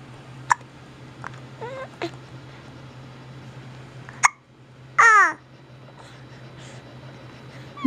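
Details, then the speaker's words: Baby with hiccups: brief sharp hiccup catches spaced a few seconds apart, with small baby fusses and a short squeal while a caregiver talks to the baby; infant hiccups. "the hiccups? You got the hiccups? Tell me about it, baby."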